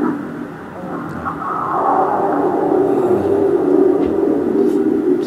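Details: Venous reflux on Doppler ultrasound of the leg in varicose veins: sound of blood flowing back down through incompetent venous valves, absent in normal veins.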